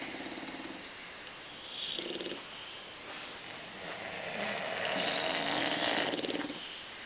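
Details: Several sleeping bulldogs snoring on a Sunday morning: rhythmic rattling, purring snores with louder nasal snorts on some breaths.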